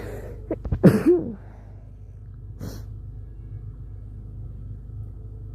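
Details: A short, sharp sneeze from a female with a quick catch of breath, then a fainter later burst against low room hum; sneezing, posted as being sick with a cold or flu.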